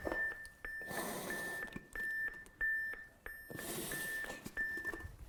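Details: Steady pacing beeps, roughly twice a second, from a training AED during CPR after a delivered shock, with compression thuds and rustling.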